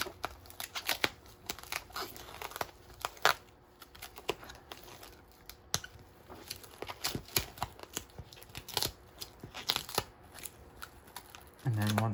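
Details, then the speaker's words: Student nurse changing central venous catheter dressing, patient's head turned left: soft crinkling and tearing crackles as Tegaderm adhesive film dressing is slowly peeled from skin, edges first, in a quiet room. "all right so i'll start by taking the tape off of the tubing off working my way around the edges first"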